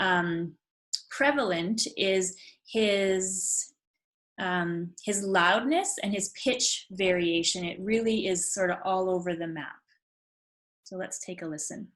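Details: Adult woman speaking; typical speech.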